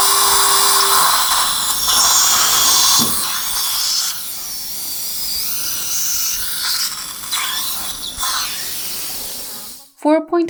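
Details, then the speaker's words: Surgical drill preparing an implant site at upper #16 in a 63-year-old male, OneGuide surgical guide after flap reflection: steady high-pitched whine with water spray for ten seconds, drilling to 10 mm; bone quality not very good. "by 10 millimeter drilling is done bone quality is not very good"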